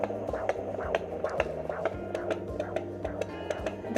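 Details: Fetal heartbeat heard at home with a handheld Sonoline B fetal Doppler and gel on the pregnant mother's abdomen: rapid, regular whooshing thumps about 130 a minute under background music.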